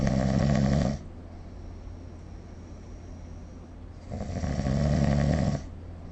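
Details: Snoring during sleep recorded with the SnoreLab app: loud, deep, rattling snores on breathing in, about four seconds apart, with quiet pauses between them.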